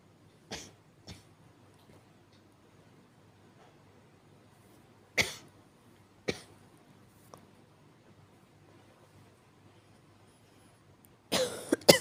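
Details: Acted weak cough: several soft, short coughs, with a brief cluster of coughing at the end.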